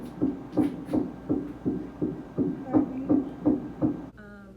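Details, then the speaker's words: First-time mother in the first trimester, second prenatal appointment about a month after the first: rapid, regular whooshing fetal heartbeat on Doppler ultrasound, about 165 beats a minute. Fetal heartbeat. "Literally every appointment that I have, I get an ultrasound picture and I get to hear the baby's heartbeat. I'll insert like a little clip so you can hear it."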